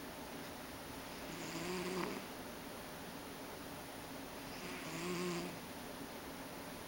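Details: Ragdoll cat snoring while asleep: two soft, rhythmic, low rumbling snoring breaths over quiet room noise.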